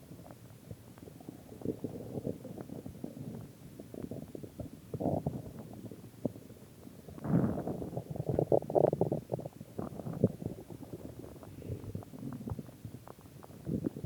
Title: my stomach growling